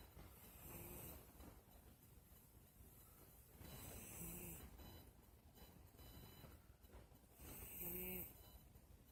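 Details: A female pet cat sleeping in bed makes three soft, rough snores on slow, steady breaths of about 17 a minute in a quiet room: snoring.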